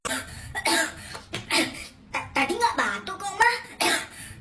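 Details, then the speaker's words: A child gives a run of repeated short coughs mixed with talking, acted in an Indonesian comedy skit about wanting to buy ice cream. "Beli es krim? Kan kamu batuk. Batuk? Enggak. Tuh, kan bener batuk."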